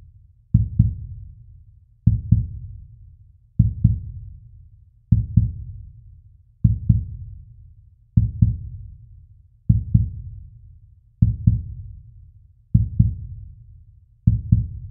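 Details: Sound-effect heartbeat with deep paired thumps at a slow, steady rate of about 40 beats a minute: slow heartbeat.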